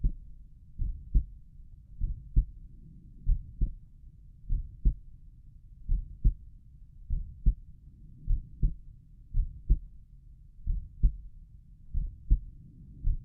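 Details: Own heartbeat recorded at Erb's point while lying down relaxing: steady paired lub-dub sounds about 66 per minute, regular rhythm; normal heart sounds.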